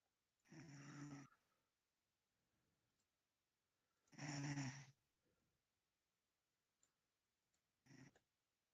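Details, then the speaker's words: Sleeping dog snoring: three rumbling, throaty snores spaced a few seconds apart, with quiet breathing between; ordinary snoring. "but my floor snoring this is the Snore stream welcome to the Snore stream hold on let's"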